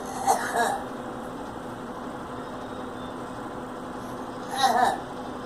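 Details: Girl coughing: two short bursts about four seconds apart, each with two quick parts, over steady background noise; cough.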